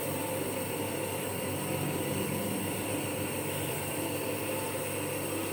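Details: Steady mechanical hum and hiss of a running nebulizer compressor during a child's steam inhalation treatment for cough and cold; no breaths or coughs heard.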